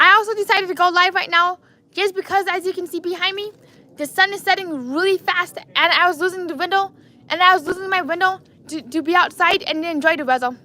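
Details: Adult man with lifelong apraxia of speech, diagnosed at age four.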